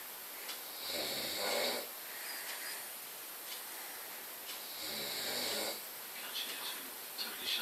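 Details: Adult man (a father) asleep after dozing off watching snooker: loud, rattling snores on two slow breaths in about eight seconds, with quieter breathing between; snoring.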